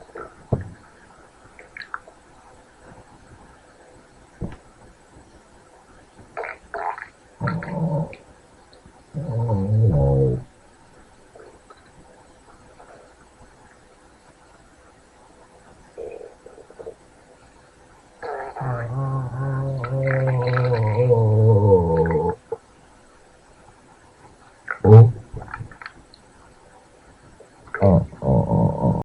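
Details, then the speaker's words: Abdominal auscultation during an abdominal exam: intermittent gurgling and rumbling bowel sounds with excess intestinal gas and distension-sensitive bowel walls, consistent with meteorism. "El meteorismo es un cuadro clínico debido a un exceso de gas dentro del intestino y al aumento de la sensibilidad de las paredes de este a la distensión."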